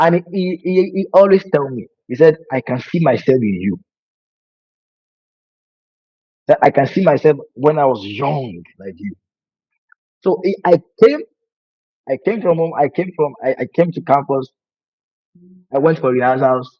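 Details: Adult man who has stammered for over 20 years; he calls it hereditary (brother and sister also stammer) and says it began in childhood when he imitated his brother's stutter; words break when he speaks; stuttering.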